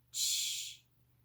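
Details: Therapist's acted imitation of a lateral lisp with flattened 'sh' sound, contrasted with 'sh' made at the front; lateral lisp.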